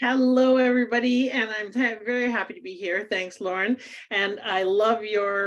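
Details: Adult woman speaking; normal voice.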